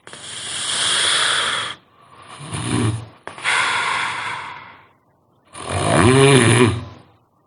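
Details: Loud, rasping snores in long breaths, the last ending in a throaty, vibrating snort; heavy snoring.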